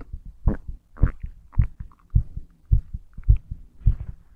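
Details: Strong heartbeat: regular lub-dub beats at about 105 a minute, slightly fast.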